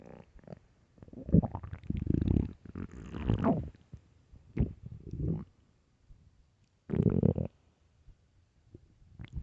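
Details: Loud, deep, drawn-out gurgles and rumbles with pauses from an extremely hungry, empty stomach; stomach growling (borborygmi).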